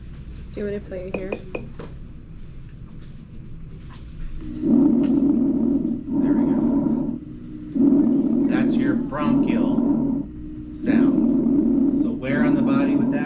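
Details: Bronchial breath sounds, a normal expected lung sound, played during a nursing class quiz review alongside bronchovesicular and vesicular sounds.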